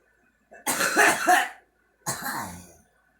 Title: girl coughing